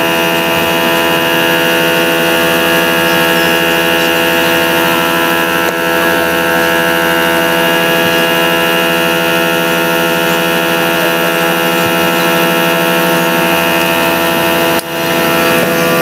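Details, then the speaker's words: Nebulizer compressor (2017 model) running after a motor repair for weak air suction: a loud, steady mechanical hum and whine, now pumping normally. "So ito na guys. Okay na. Maayos na itong gumagana. So tingnan natin kung yung pag-pump ng motor nito is okay din."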